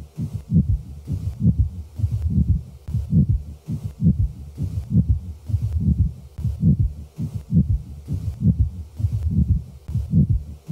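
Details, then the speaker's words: Adult male with pericarditis, recorded at the left sternal border: regular heartbeat near 67/min with scratchy, grating sounds in both systole and diastole; pericardial friction rub. "the following example displays a typical friction rub recorded at the left sternal border of a male with pericarditis both the systolic and diastolic components of the rub are"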